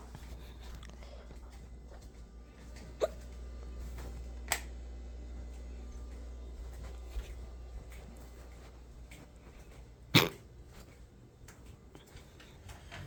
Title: Omg, more and more hiccups today! #hiccups #hiccup #hiccuping